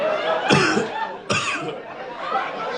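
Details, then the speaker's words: An adult woman in a stand-up comedy audience gives two sharp, dry coughs amid room and crowd noise, after coughing repeatedly during the show; a cough. "I had Co long time ago like no you caught it on the way over here I don't I don't trust that cough at all"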